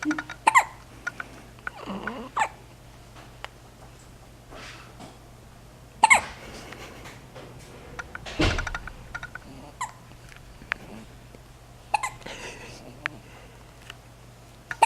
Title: Hiccup Hiccup Hiccup